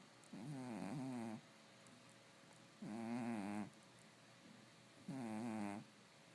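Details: Three tonal, buzzing snores on the in-breath, about 27 breaths a minute, with quiet exhalations between, from a male cat sleeping; he snores all the time.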